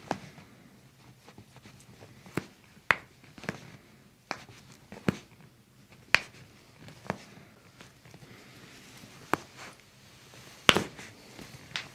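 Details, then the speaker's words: Chiropractic toe cracking: series of sharp, separate pops over quiet room noise; joint cavitation. "okay okay i'm gonna crack your toes now okay"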